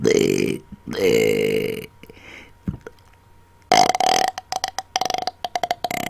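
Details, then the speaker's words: Deliberate burping on command into a Blue Yeti microphone: two long loud belches followed by a run of short burped bursts shaped like words; burping. "I am burping into my blue Yeti Mike so the sounds may get intense"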